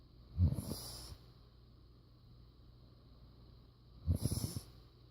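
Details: Father snoring: two low, fluttering snores about four seconds apart, each followed by a hissing out-breath, roughly 15 breaths a minute.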